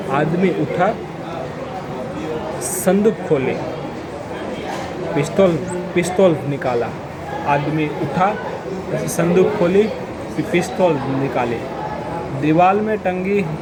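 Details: Adult man who stammers reading a Hindi paragraph aloud during daily practice; he says he stammered on words such as 'pistaul' and 'sandook'; stammering.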